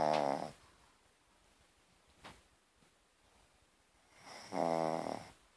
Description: Funny shih-tzu snoring